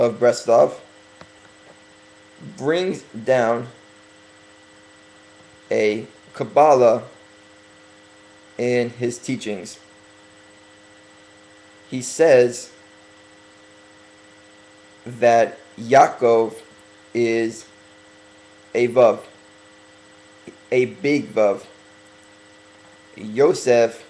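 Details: Man working on his stuttering, deliberately speaking slowly as self-correction; stuttering.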